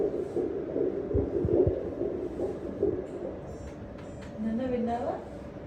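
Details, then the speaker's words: Fetal heartbeat on an 8th-month pregnancy scan at a Dubai hospital: rapid, whooshing pulsing, with background noise. "ఇక్కడ baby heart beat వినండి ఒకసారి"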